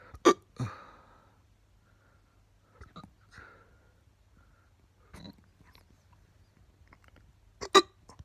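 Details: Very fast, non-induced hiccups: short, abrupt, sharp hiccup sounds, about five in eight seconds at irregular intervals, in a quiet room.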